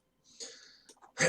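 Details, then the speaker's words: Single cough from an adult with a cold, husky voice and sniffing: a drawn, hissing breath in, then a sudden, harsh burst of air cut off at the end. "I have a cold. You will hear me cough. You will hear me sniff. And my voice is a little bit husky."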